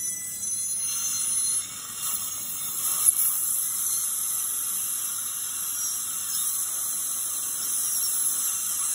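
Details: Surgical extraction of a wisdom tooth (third molar): the continuous high-pitched whine of a high-speed dental drill.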